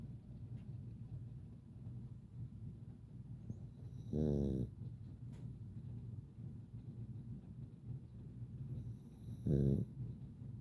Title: Sleepy, snoring little Boston. this is what we do on rainy days 😴 #bostonterrier